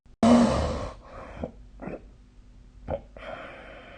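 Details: Snoring during sleep: a loud, rough snorting breath followed by several quieter, noisy breaths; recorded 2025/03/30, with the SnoreLab snoring app mentioned.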